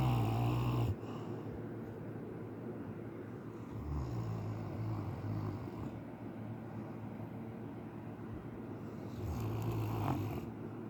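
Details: Relaxed and asleep, snoring in deep sleep; owner thinks he may be dreaming of running after something.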